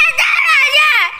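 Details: High-pitched, sustained wailing cry from a school-age boy after being accidentally hit; ordinary crying after a minor knock.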